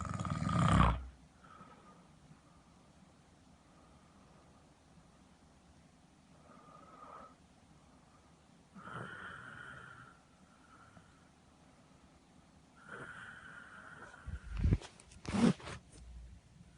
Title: 無呼吸症候群 いびき CPAP